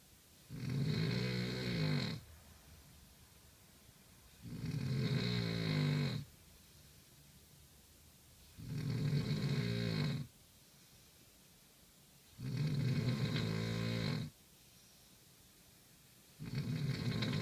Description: More serious snores